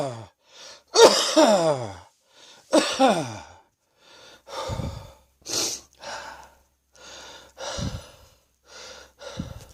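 Repeated harsh coughs with wheezy, whistling breaths in between, bringing up mucus from the lungs.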